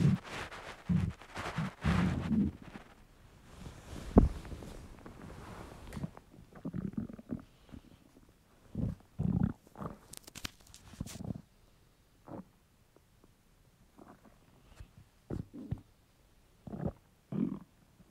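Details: Male's hungry stomach: irregular low gurgles and rumbles with quiet gaps between; borborygmi from hunger.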